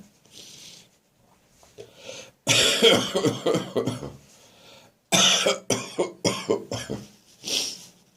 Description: My winter cold has finally arrived, along with a harsh, sometimes painful, throaty cough which often makes me gag - especially first thing in the morning.